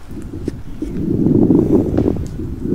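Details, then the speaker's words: Smoker's lung on auscultation: a single rough, low breath sound swells and fades, with scattered crackling clicks, consistent with coarse breath sounds and crackles. "un pulmón de un fumador suena así"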